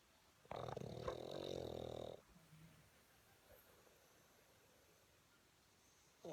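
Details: Boston dog snoring: a single loud, rough, buzzing breath lasting about a second and a half, then quiet room noise.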